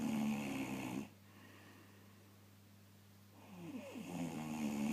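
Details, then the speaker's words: Adult man who claims he doesn't snore: two loud, rough, vibrating snore breaths with a quiet pause between them over steady low room hum; snoring. "I think you'll agree that that was quite audible."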